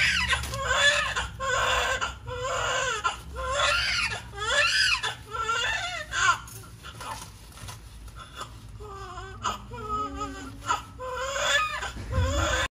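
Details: Vigorous newborn baby girl's first cry just after normal delivery in a lying-in clinic, born 6:50: strong, rhythmic wailing with low room noise.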